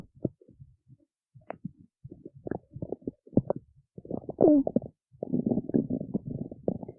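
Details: Stomach growling in the city: bursts of gurgling, bubbling and creaky rumbles building into a long growl; ordinary bowel sounds (borborygmi).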